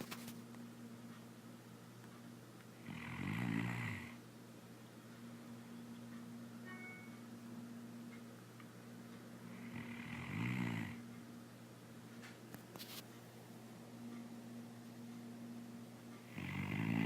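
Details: Sleeping and snoring: soft snoring breaths about every seven seconds over a steady electrical hum; quiet snoring during sleep.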